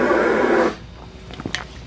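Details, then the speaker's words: Recorded emergency call during telephone CPR training: a single harsh, noisy gasp then near silence; agonal breathing in a cardiac arrest after drowning, the person possibly survived. "so that's a good example of agonal Brea I think this person actually survived um this was a drowning but I think this person survived uh and this is a cardiac arrest"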